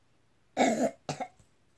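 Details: A child, asked to cough while being checked for mucus going down the throat, gives two short, slightly wet coughs, the first stronger, then quiet: cough.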